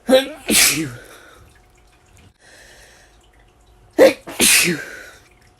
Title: 100+ Sneezes Compilation